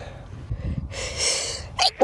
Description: This video is of me sneezing 9 times.